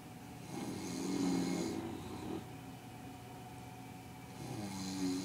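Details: Bulldog and adult man (dad) taking turns snoring: low, rattling, raspy, vibrating snores on breathing in, separated by quieter breaths; snoring.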